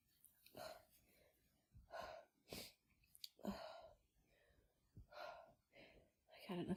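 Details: Female with her first head cold of the year, after using chhinkni for relief: strong run of sneezes, soft breathy bursts with catching inhalations between, repeated and hard to stop.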